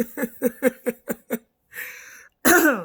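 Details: Adult speaking low, sounding a little hoarse, with a quick run of about seven short, voiced coughs, then a breath in and the start of speech; a brief ordinary coughing bout.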